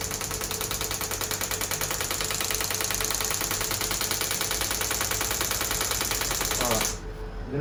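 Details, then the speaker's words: Third session of shockwave therapy for heel pain in a woman whose pain comes on with prolonged standing: rapid steady mechanical tapping about three pulses a second, then stopping; patient reacting to pain. "we're gonna do shockwave first all right i'm going to keep on looking at your face depressing angry pain"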